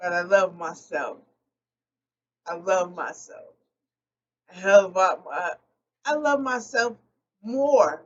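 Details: Post-stroke aphasia in an adult woman, a stroke survivor speaking unscripted and not always correcting her own errors; aphasia.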